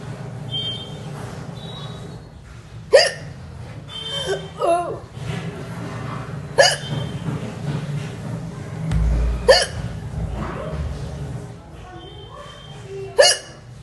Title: || Indian Woman Hiccups ||